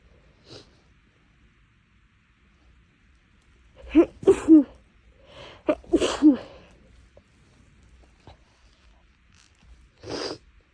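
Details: Sneezing fit after a couple of days of nasal irritation and tickle, likely from inhaling something while making lunch: quiet build-up of breathy catches, then about four sharp sneezes close together and one more at the end.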